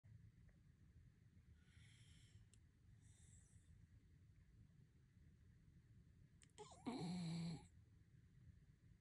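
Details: Sleeping miniature schnauzer snoring: two soft breathy exhales, then one loud, brief, rattling snort over low background rumble.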